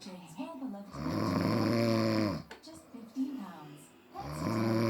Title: Snoring 😴😴😴😴😴😴😴💏💏💏✊✊